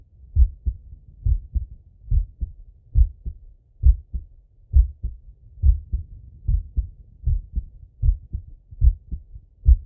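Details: Male heartbeat heard on stethoscope auscultation: regular paired low thumps at about 68 a minute with soft breathing; normal heart sounds.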